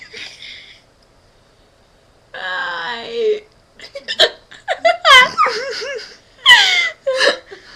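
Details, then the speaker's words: Two people both with hiccups: short, sharp voiced gulps recur irregularly amid their laughter and giggling; repeated hiccups. "we both got hiccups oh my God okay I think I'm good I'm not I'm good no I'm not stop body bad girl bad"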